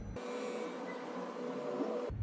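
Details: X180 electronic oscillometric blood pressure monitor with voice function inflating a tightened arm cuff on a relaxed man: steady low motor hum of the pump; reading 120/74, which the speaker jokingly calls low pressure.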